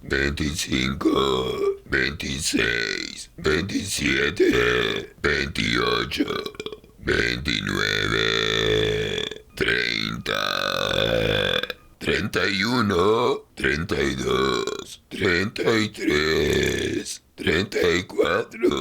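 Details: Person doing voluntary belching, counting numbers in burps: long, voiced, deliberate burps repeated in a series, each stretched out like spoken counting.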